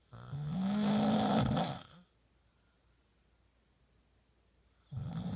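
A long, loud, vibrating snore on the in-breath, then a silent pause before the next one begins. Snoring.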